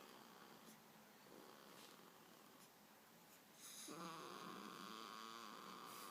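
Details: One-week-old newborn girl snoring in her sleep: soft noisy breathing, then a louder, voiced, sing-song snoring sound on the breath, getting louder towards the end; infant snoring.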